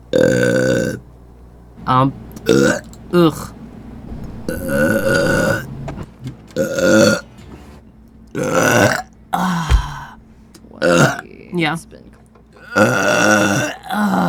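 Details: Repeated burping: a series of long, loud, voiced belches with a croaky, gurgling tone, separated by brief pauses.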